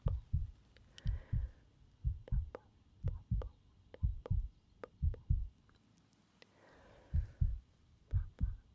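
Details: Steady paired lub-dub beats at about 60 a minute with faint rustling between them, a normal heartbeat heard through a stethoscope in an ASMR medical roleplay.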